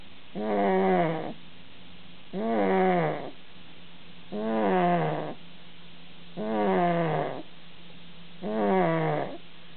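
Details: Snoring described as almost as loud as the father's: regular, drawn-out, tonal groaning snores, about 30 a minute, over steady low room hum.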